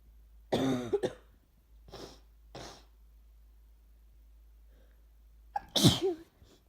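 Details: Several harsh coughing bursts with quieter breathy coughs between, in a quiet room, from a person sick with sneezing, nose-blowing and a sore throat who feels worse at night.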